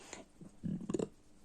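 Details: A single hiccup: a brief, abrupt, low voiced gulp with a sharp catch in a quiet room, from an adult trying a nostril-breathing method to stop hiccups.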